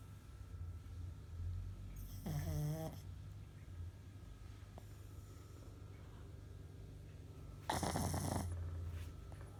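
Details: Sleeping pug snoring: low, rumbling snores throughout, with a nasal whistling snore and a snorting burst, typical of a flat-faced dog.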